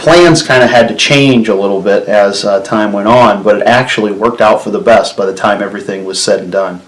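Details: Adult man speaking; Normal speech.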